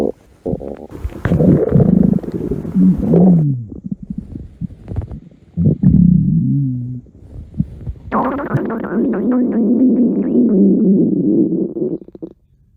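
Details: Stomach growl: loud, long gurgling and rumbling with rising and falling groans in several bursts, ordinary bowel sounds (borborygmi).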